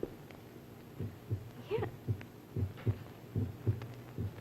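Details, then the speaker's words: Heartbeat sounds in a 1962 science demonstration of listening with a homemade funnel-and-tube listener placed on the chest just right of centre and low: steady lub-dub normal heart sounds at about 76 per minute. "So, put the funnel air and put the other end in your ear and see if you can hear your own heartbeat. Hey, this pretty loud."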